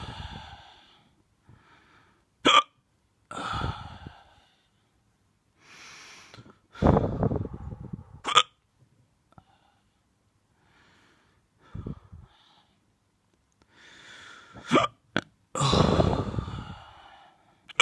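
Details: Hiccups in a drunk person: sharp, abrupt hiccups at irregular intervals, some followed by a brief voiced exhale or vocal noise.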